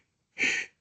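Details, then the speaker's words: Simulated pleural blow, imitated by mouth on vowel e during expiration, as heard at the upper border of a pleural effusion: brief, soft, high-pitched breathy blow. "Entonces, con la vocal e hago [risas] expiración de ram corresponde al borde superior y eso es un soplo pleural y probablemente acompañado de un frote pleural."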